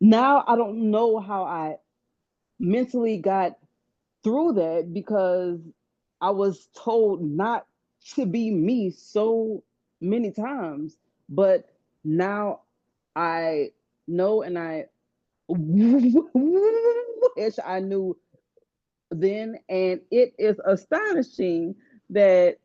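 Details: Stuttering in a woman who stutters and has had speech therapy all her life.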